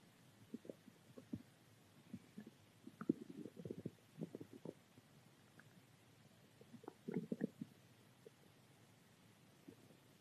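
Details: Soft, quiet gurgles and bubbling rumbles in irregular clusters: stomach growling, borborygmi, a normal digestive sound.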